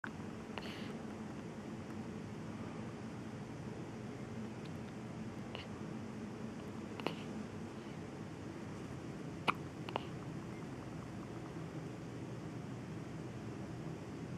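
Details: Baby girl with late-night hiccups, seemingly undisturbed: a handful of brief, sharp hiccup sounds over steady room hum, about five in fourteen seconds; hiccups.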